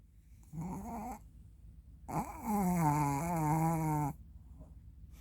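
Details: 3-year-old Maltese dog sleeping deeply after playing hard in the morning, making two drawn-out, voiced, groaning humanlike snores in a quiet room.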